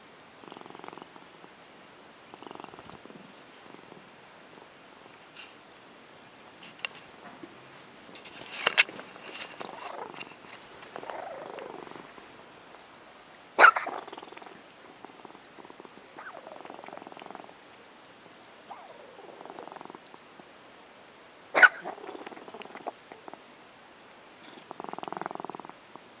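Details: Cat coughing: repeated soft, raspy, breathy bursts in a bout of coughing with quiet pauses between efforts.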